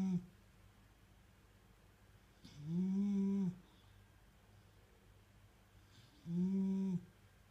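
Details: Long, droning, hum-like snores on breathing in, recurring every few seconds in a quiet room, from a sleeping miniature bull terrier; loud snoring.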